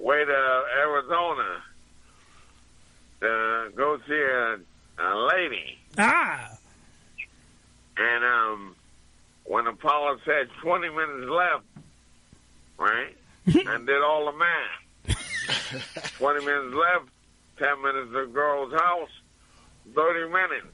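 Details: Adult man with two strokes, speech affected and treated by a speech pathologist with word repetition, about two years before returning to the stage: dysarthria after stroke.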